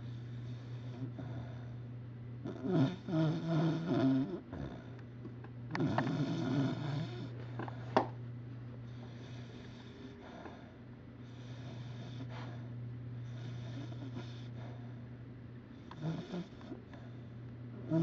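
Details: Cocker spaniel dog asleep crammed under a computer desk, snoring: irregular snorting, rattling breath noises over a steady low room hum.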